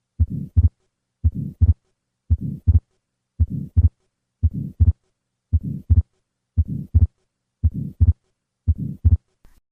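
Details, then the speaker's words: Atrial septal defect at about 57 beats/min, heard best at the second left intercostal space with the patient sitting up: normal beats, then a fixed split second heart sound, then a grade 2–3 systolic pulmonic flow murmur. "The opening between the atria that allows left to right shunning is acoustically silent. However, the increased flow across the pulmonic valve produces a grade two to three systolic murmur."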